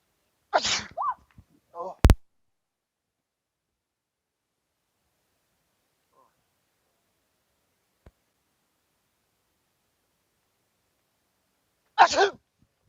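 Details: Sneezing prank on people: two loud, sharp sneezes about eleven seconds apart, with brief muttering and a bump between them.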